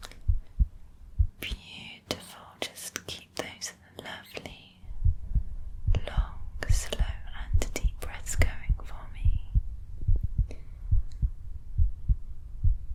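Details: ASMR medical roleplay home cardiovascular exam: stethoscope auscultation with real heartbeat sounds while the patient relaxes with normal breaths, no talking; normal heart sounds.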